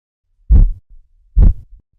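Two strong low thumps with soft trailing sounds, Korotkoff sounds heard over the artery during cuff deflation.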